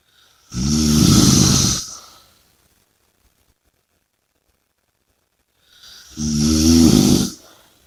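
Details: Heavy obstructed snoring: two loud, rattling snores on breathing in, separated by about four seconds of silence.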